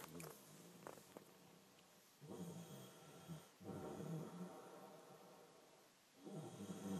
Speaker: this is you snoring